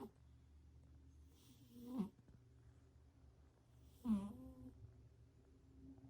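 Soft, slow snores from a sleeping cat, about two in six seconds, in a quiet room; ordinary snoring.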